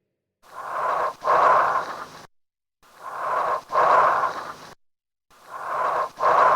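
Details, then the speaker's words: Bronchial (tubular) breath sounds heard over the chest on respiratory examination: loud, harsh breathing with a long expiratory phase at least as long as inspiration and a short silent pause between inspiration and expiration. "what you notice is that this sound is loud has a long exhalation phase which is at least as long as inspiration and has a little silent pose between inspiration and exploration so has all the three characteristics of a tubular breath sound and that's what it is"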